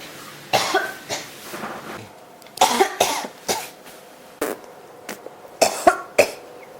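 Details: Persistent cough: about nine coughing bursts in under seven seconds, some run together in quick clusters, in a quiet room.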